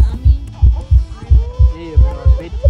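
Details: A person's own heartbeat: steady, regular, low amplified thumps with a soft tonal hum over them.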